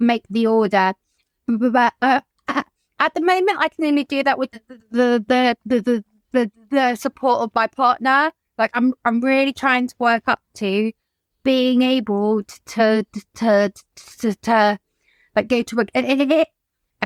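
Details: Adult woman whose childhood stammer recurred after her mother's suicide and six months alone in lockdown; she reports blocks and is in speech and language therapy; stuttering.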